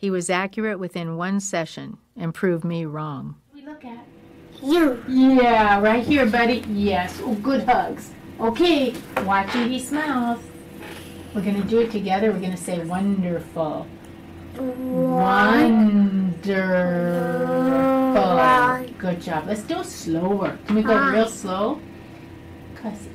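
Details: Adult woman talking to a child; normal adult speech.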